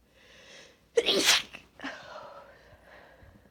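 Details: A woman stifles huge allergy sneezes on a high pollen count day, then lets go: a single forceful, partly held-back sneeze with a sharp burst, then quieter breathing.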